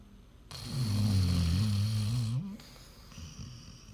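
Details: Snoring from either a pet dog or a man (owner compares pup and husband): one long, low, rattling snore of about two seconds, then quiet breathing with faint room noise.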